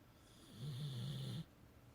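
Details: Tired beagle snoring while asleep: one low, fluttering snore lasting just under a second in a quiet room; ordinary snoring.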